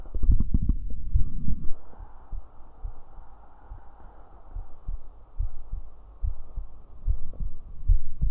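Low heartbeat thumps, about 73 a minute, after a burst of handling noise at the start; heart sounds over a valve listening area.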